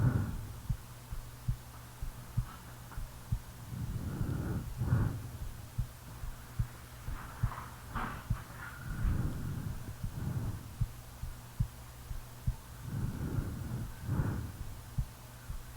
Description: I’m sorry guys I was sleeping and no video real heart beat and snoring